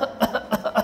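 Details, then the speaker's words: Adult imitates a whooping cough (pertussis) paroxysm: about five quick, staccato coughs in under a second, a coughing fit said to end with a gasping inhalation once breath runs out. "그러다가 숨이 너무 차니까 하다가 뒤에 숨을 들이키게 시작됩니다이 특징적인 기침을 후핑 커라고 하고이 기간이 꽤 길죠"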